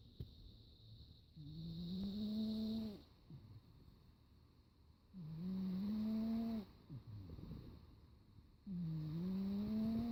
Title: Kitty daytime snoring